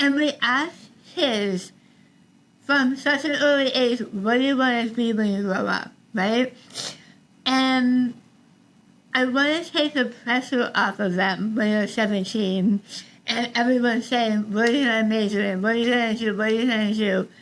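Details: Adult woman about 3 years after stage 4 tongue cancer treatment: over half of tongue removed and rebuilt with forearm skin graft, neck dissection, 6 weeks of radiation and chemotherapy; altered speech since treatment, sometimes not understood by strangers; articulation disorder after partial glossectomy.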